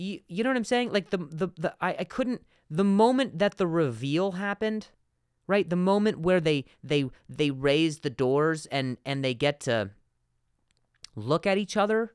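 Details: Adult man who stutters, spontaneous podcast speech: stuttering.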